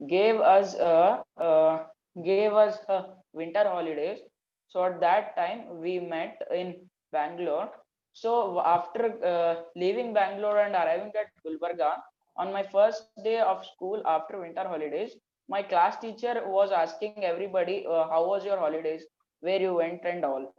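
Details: Stuttering in a 14-year-old schoolboy from Karnataka, India.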